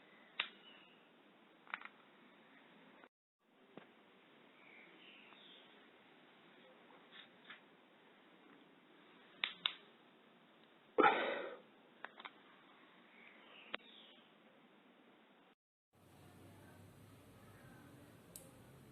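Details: Knee and other joint cracking, popping, grinding with each movement in an adult over 39, knees most painful, worsening over a year; rheumatoid tests and HLA-B27 negative, no diagnosis yet; scattered sharp cracks and a brief grinding burst, joint crepitus.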